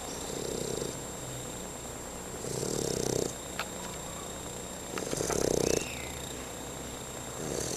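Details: Sleeping Fila Brasileiro puppy snoring: rhythmic snuffling snores on each breath, about three in eight seconds, with soft nasal whistling.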